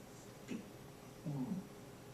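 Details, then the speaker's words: Simulated mild-to-moderate hearing loss sloping off in the high frequencies, as heard without a hearing device (child's cochlear implant context): a faint, muffled spoken spelling-test word with crisp consonants missing. "this is a simulation of a hearing loss that's a mile to moderate loss that slips off in the high frequencies"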